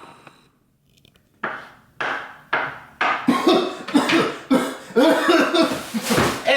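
About ten short, harsh coughs in a rapid run after a quiet start, acted for a cough-medicine piece: repeated dry-sounding cough.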